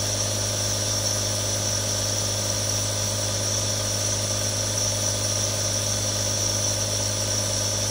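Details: Real recording of a nebulizer running: a steady, continuous motor hum with hissing airflow.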